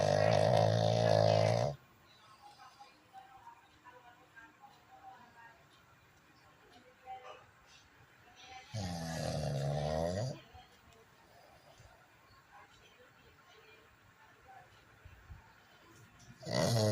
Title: chaco is snoring..🤣🤣